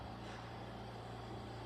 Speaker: So, his oxygen machine has to stay on and you can hear it all over the house. And we are in the living room where the oxy oxygen machine is at. So, you can really hear it here.